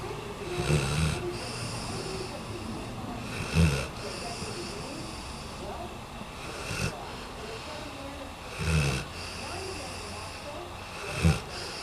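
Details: Japanese Tosa dog sleeping on a sofa gives loud low snores about every 2.5 seconds, roughly 24 a minute, over steady room noise; snoring.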